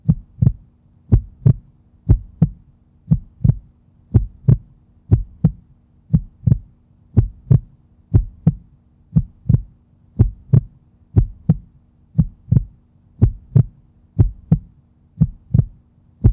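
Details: Stethoscope recording presented as the cartoon pony Vinyl Scratch's heartbeat: steady paired lub-dub sounds at about 58 beats a minute in a regular rhythm; heartbeat.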